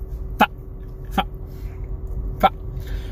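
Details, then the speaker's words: Person with Tourette syndrome, a stand-up comedian from Texas, gives three brief, abrupt throaty yelps or clicks at irregular intervals while talking: simple vocal tics. "most people just call me and i have tourette syndrome"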